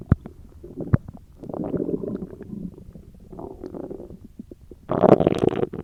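Loud rolling, gurgling stomach rumbles with a few sharp pops, ordinary stomach growling.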